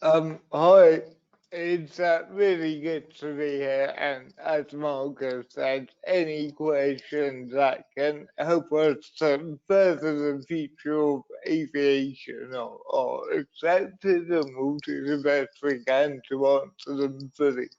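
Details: Adult male with cerebral palsy from a brain injury in an accident at birth, unsteady on his feet: dysarthria (cerebral palsy).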